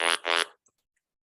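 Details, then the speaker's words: Electrolarynx whisper-mode indicator tone: two short buzzy electronic tones ("whoop whoop") the device gives when switched by the power button to mode six, its quieter whisper mode. "that is a whoop whoop. That means we're in whisper mode."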